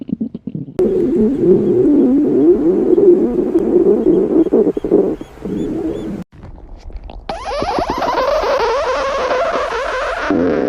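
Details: Five-minute recording of continuous low, warbling gurgles with bubbling squeaks, typical of stomach growling (borborygmi).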